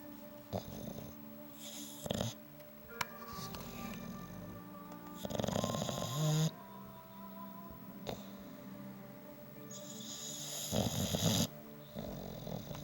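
Irregular rough snores, about 12 a minute, with snuffling breaths, partly covered by background music.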